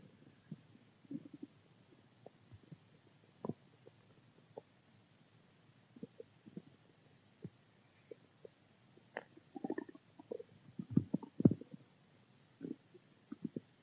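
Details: Hungry stomach: soft, scattered gurgles and squeaks with a louder growling run near the end, ordinary borborygmi (stomach growling).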